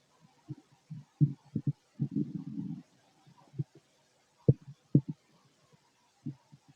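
Irregular low gurgles and rumbles, some brief and some drawn out; active bowel sounds of normal digestion.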